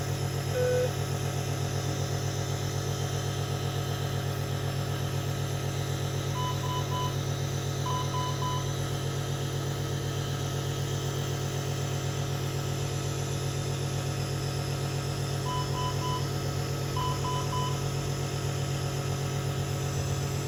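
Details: NICU baby with Down syndrome admitted for wheezing, chest congestion and respiratory distress, on oxygen and receiving nebulizer therapy: steady low compressor drone with brief triple monitor beeps.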